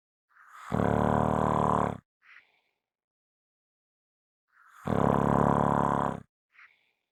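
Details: Two loud, buzzing, strongly voiced snores, each followed by a short puff of air, in silence; strong, heavy snoring.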